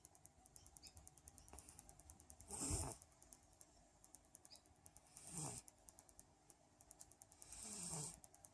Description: Cat snoring